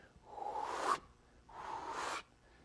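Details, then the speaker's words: Vocal imitation of a decrescendo-crescendo diastolic murmur: two breathy, rumbling whooshes, each swelling louder toward the end with presystolic accentuation, then stopping abruptly, unlike a decrescendo diastolic murmur. "whereas a decrescendo crescendo murmur it gets louder towards the end there's something called pre-systolic accentuation and that's what separates that from the diet from the decrescendo diastolic murmur so it really sounds like this"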